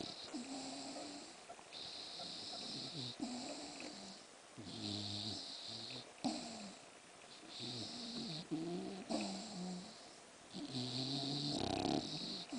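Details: English bulldog asleep, snoring with rhythmic rattling, snorting snores on each breath, about four breaths in twelve seconds: loud flat-faced dog snoring.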